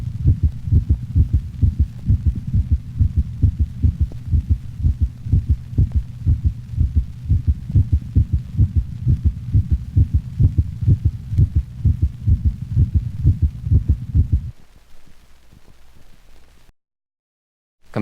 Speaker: asynchronous closure of the left and right atrioventricular valves may produce a first heart sound that is split into two audible components this occurs normally in the larger breeds of dogs note the low frequency split first heart sound of a normal large dog